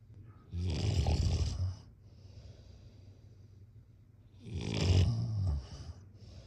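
Two loud, low, rattling snores on breathing in, separated by a quieter breath out; a snoring pattern at roughly ten breaths a minute.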